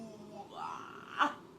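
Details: Vocal tics of Tourette syndrome in a male patient, recorded years earlier when his tics were severe, before therapy and medication reduced them.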